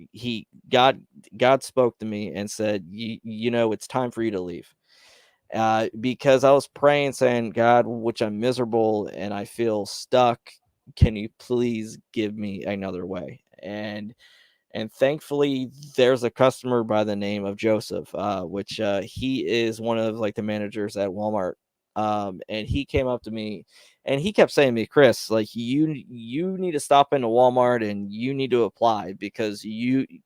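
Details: Man who describes having his own stutter, speaking on a live stream; stuttering.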